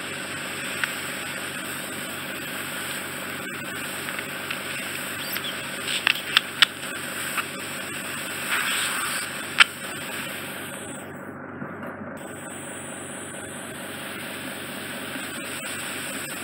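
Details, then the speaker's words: Microsuction ear wax removal during a bilateral procedure, clearing wax off the eardrum: a steady suction hiss with scattered clicks and crackles. "Okay, so let's get this wax off your eardrum. So that's the skin, that's what's making that high frequency squeal."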